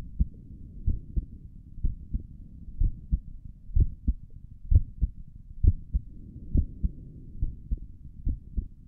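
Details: Heartbeat heard through a stethoscope on the chest for an ASMR recording: soft, steady, muffled paired beats at about 65 a minute; stomach gurgles occur during the recording; normal heart sounds.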